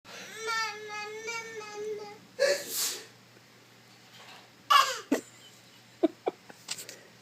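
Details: Adult man (a father) in a run of repeated sneezes, his 11th in a row: a child's whiny cry, then sharp explosive bursts, one sneeze followed by short snorts; sneezing.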